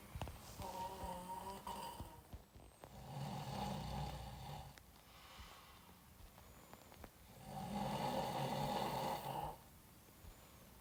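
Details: Two long, loud, rattling inspiratory snores with quieter breathing between, from a sleeping adult man, recorded by a friend: snoring.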